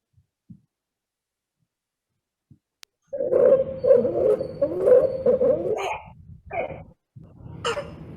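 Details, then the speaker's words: Teaching audio clip from a respiratory medicine session on different coughs: harsh, high-pitched stridor at first, followed by short barking coughs, as in croup; stridor with barking cough. "So the initial part is stridor, but then you could see that barking cough"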